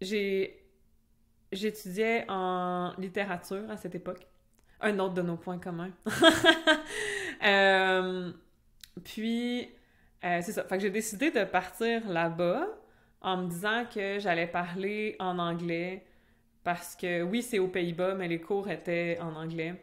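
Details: Adult French-speaking (Québec) woman who has stuttered since childhood and also had a speech sound disorder as a young child; real developmental stuttering in conversational speech.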